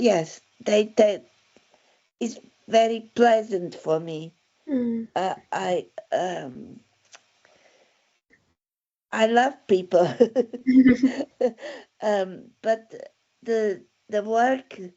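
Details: Aphasia following a stroke in December 2016, with word-finding difficulty.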